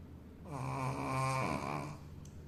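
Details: Sleeping Shih Tzu dog snoring: a single drawn-out, buzzing, rumbling breath sound.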